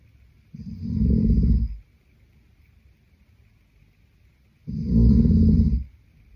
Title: Snoring Boyfriend | My favorite Whitenoise | pt2